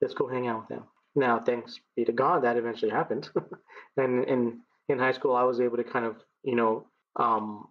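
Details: 39-year-old man who has stuttered as long as he remembers; it began in childhood with vocal blocks in the throat and now shows mainly as repetitions used to get past blocks; speech therapy through elementary school until 7th grade; stuttering.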